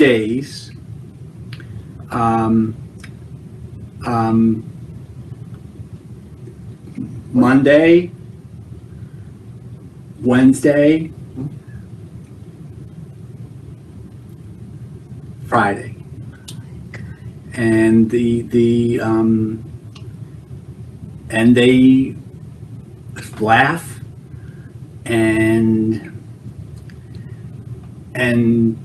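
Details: Man with Broca's (non-fluent, expressive) aphasia from a stroke 7 years ago; effortful speech and word-finding difficulty, with understanding and intellect preserved.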